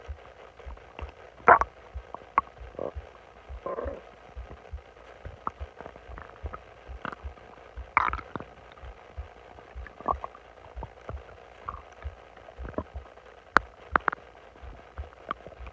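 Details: Person lying on their stomach while bloated: scattered soft gurgles, pops and brief rumbles from the belly; stomach growling (borborygmi).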